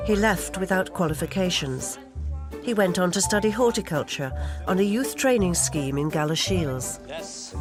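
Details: Adult female narrator; normal speech.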